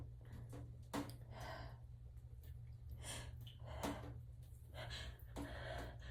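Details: Run of sneezes in the shower: several sharp gasping intakes followed by quick bursts of air over a steady running-water hiss.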